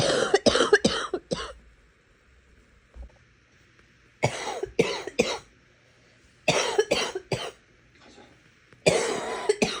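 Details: Repeated bursts of harsh, loose-sounding coughs in four clusters of three or four, about a dozen in all, with quiet pauses between: a wet, productive cough.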